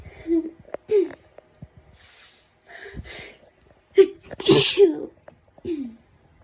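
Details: A person with autumn hay fever and a sore, hoarse throat takes quick gasping inhalations that build to one or two forceful, explosive sneezes. Sneezing.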